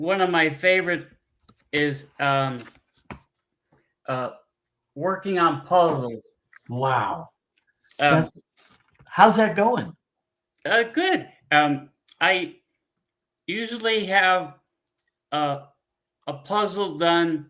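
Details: Adult man, former pilot, with aphasia from a stroke 15 years ago; he cannot read or write, uses a scooter and gets therapy on his arm; frequent fillers, pauses and word-finding difficulty; aphasia.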